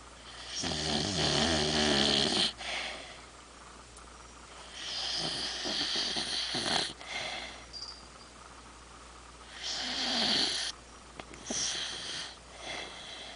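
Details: Heavy snoring in a sleeping overweight female dog: loud, harsh rattling snores with noisy raspy breaths, roughly four to five breaths per minute.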